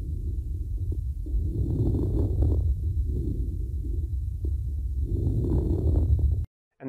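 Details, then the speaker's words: Fine crackles (rales), teaching demonstration: brief, scattered, explosive popping clicks over chest breath sounds, more common on inspiration, from small airways snapping open. "they can be broken down into fine crackles which sometime can be referred to as rails and coarse crackles which sometimes called crepitations so let's have a listen firstly of what crackling sounds both in the fine and a coarse so let's start with fine"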